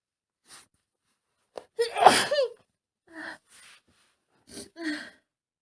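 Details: Woman with a lingering cold sneezing during the day: a sharp intake of breath, one explosive sneeze, then a few softer gasps and sniffs; sneezing with a cold.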